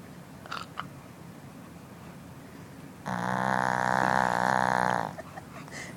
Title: Snoring dog !!!!!